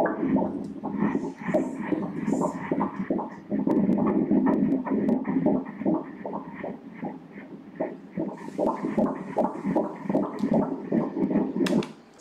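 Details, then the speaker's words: Fetal heartbeat on Doppler ultrasound at 13 weeks' gestation: rapid, steady whooshing pulses, 154 beats per minute, normal. "من قلب بچه را اینجا نشان می دهم به ضربان قلب کودک در اینجا توجه کنید"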